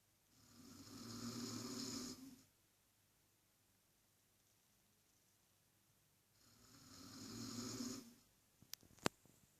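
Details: Two loud rattling snores on inhaling, about six seconds apart, with quiet pauses between; snoring from a man.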